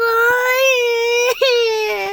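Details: Child crying: a loud, sustained wailing cry, one long breath with a brief catch midway.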